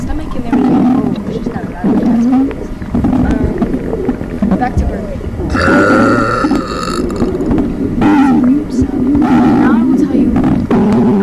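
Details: Girl who reports about two months of constipation: long, rumbling belch sounds with voice-like breaks, mixed with background talk. Burping.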